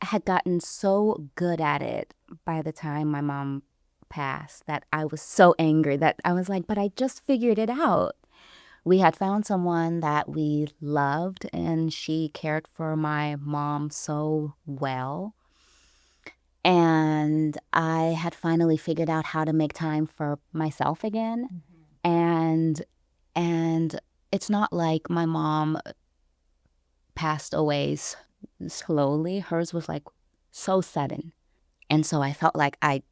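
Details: Adult woman, a caregiver, who self-identifies as a person who stutters, speaking in conversation; transcript shows gaps between phrases; stuttering.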